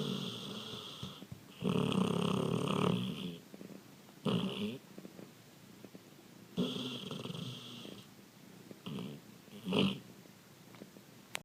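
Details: Dog (grandpuppy) asleep: irregular rattling snores with snuffling in between, several in eleven seconds; dog snoring during sleep.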